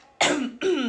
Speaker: how do you cough like this how do you cough good boy you cover your mouth while mhm